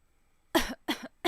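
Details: Two short, sharp cough bursts with a third starting, from an adult smoking a cigar during a live stream in a quiet room.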